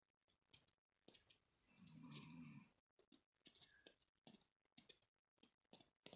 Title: Snore part 2